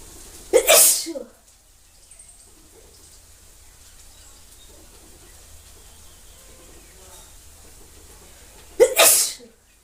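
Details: Outdoor sneezing challenge: two forceful sneezes about eight seconds apart over steady outdoor background noise; ordinary sneezing.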